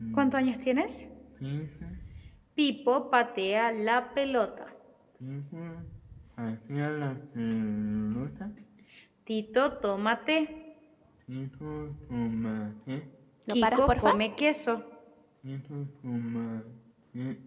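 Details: Child with cleft palate and velopharyngeal insufficiency repeating test phrases; hypernasality severe enough to affect intelligibility even of vowels. Hypernasality.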